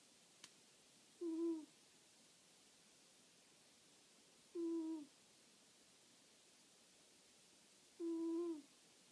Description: Rufio the snoring cat!!!